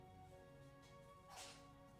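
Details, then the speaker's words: A cat gives a single brief, sharp sneeze, heard faintly over steady background music. "Oh, did you hear that sneeze? That was my cat."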